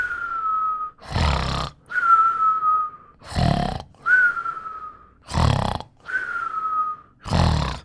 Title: Burp Snoring and Whistling in 49 seconds